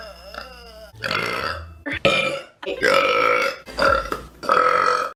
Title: Pretty girl burping compilation